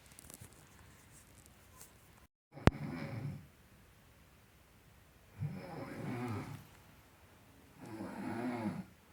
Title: SONIDO DE RONQUIDO - RONCANDO - SOUNDS